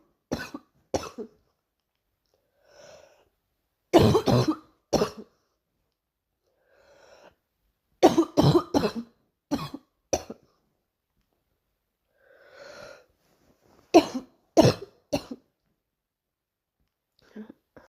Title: Girl coughing 254